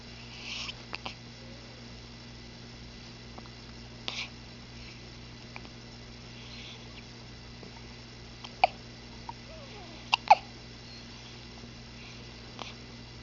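Faint, brief clicking hiccups from a cat at irregular intervals in a quiet room.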